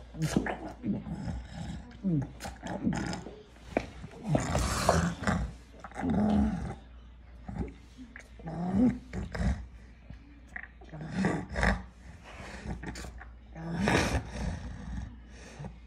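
Repeated low groaning, growling vocal bursts with noisy breathing between them, typical of vocalizations during and just after a tonic-clonic seizure.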